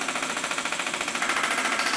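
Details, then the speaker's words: Rapid, regular, fast mechanical tapping pulses from an extracorporeal shockwave therapy unit at low pressure and high frequency, held over gel on the side of the Achilles tendon for Achilles tendinopathy. "i then support the patient's leg so we'll pop it on and you can hear it quite fast to start with"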